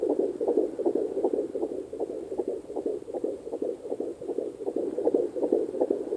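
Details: Fetal heartbeat at 14 weeks 1 day on a Sonoline C2 Doppler: rapid, regular whooshing beats at about 155–160 per minute.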